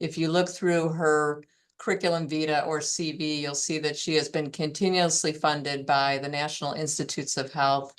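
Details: Fairly classic adductor laryngeal dystonia with intermittent voice stoppages and strain-strangled voice quality, without vocal tremor.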